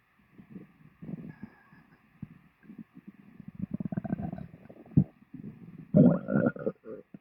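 Long runs of low gurgling and rumbling with a few louder bubbling bursts: bowel sounds, stomach growling after a meal.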